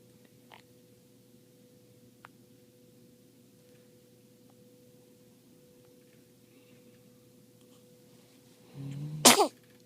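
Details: Newborn baby, three hours after birth, who sneezed twice and yawned widely in this recording: a quiet room with a steady hum, then a brief intake of breath and one sharp sneeze near the end; sneezing.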